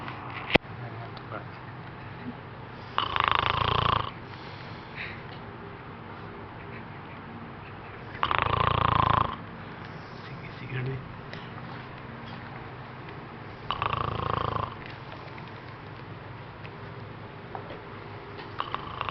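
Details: Three rough, buzzing snores about five seconds apart, roughly 11 breaths a minute, over steady room noise; snoring.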